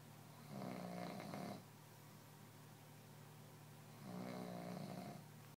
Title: Pug snoring competition